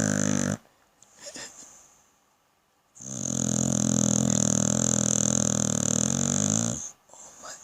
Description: Hysterical pit bull snoring.